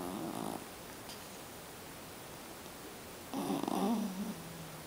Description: Miles, my perfect little Jack Russel, snoring his heart out during a nap.